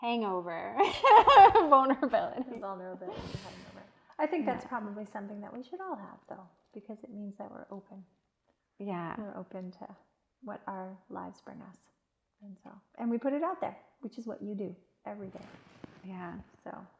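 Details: Adult woman, conversational speech; normal speech.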